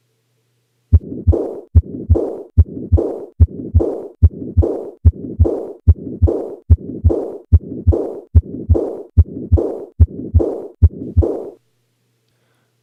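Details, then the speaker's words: Combined aortic stenosis and aortic regurgitation heard at the apex: a regular heartbeat near 73 a minute with systolic and diastolic murmurs superimposed, the diastolic component slightly louder. "the systolic component was slightly louder now the diastolic component is slightly louder this is an example of - murmurs superimposed on one other"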